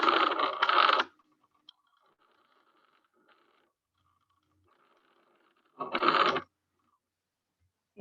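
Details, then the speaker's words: Two soft, rustling breath sounds with faint room noise between them, heard between the lung apex and base; normal vesicular breath sounds (murmullo vesicular). "Este es el murmullo vesicular. Esos son los sonidos normales que nosotros vamos a tener en nuestro paciente."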